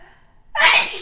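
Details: A person's spray sneeze: a soft voiced intake of breath, then one sudden, forceful, hissing sneeze burst.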